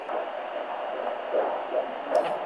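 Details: Steady whooshing Doppler hiss with soft rhythmic pulsing, a fetal heartbeat heard by a midwife close to 20 weeks of pregnancy, exact gestation uncertain; the mother has pregnancy sickness.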